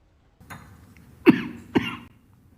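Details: A faint throat sound, then two sharp, short coughs in a quiet room during a head of state's speech at a Korea–Philippines summit; plain cough.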